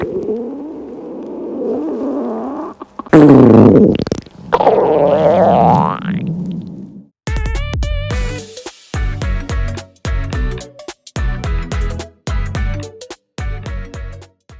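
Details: Stomach growling (borborygmi) from a girl fasting for a day while dieting: long, low gurgling and warbling growls of an empty, hungry stomach.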